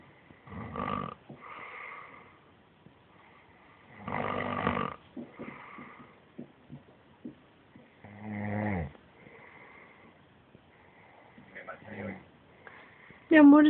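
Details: Snoring: rhythmic rattling snores with whistling nasal exhales, about four in thirteen seconds, in a quiet room, ending on a brief squeaky sound.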